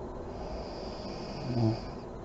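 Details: Adult woman (mother) snoring in deep REM sleep with lights on: a single low, rumbling snore over steady background noise.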